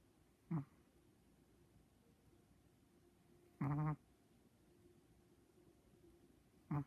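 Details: Chihuahua snoring in sleep, with short, low, buzzing snorts about every three seconds, roughly 19 a minute, against quiet room noise.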